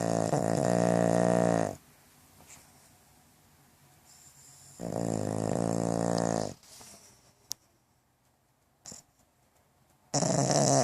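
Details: Pug snoring with eyes open, lying in bed while owner watches TV: loud, coarse, rattling snores on each breath in, about 2 to 3 seconds long, separated by quiet pauses.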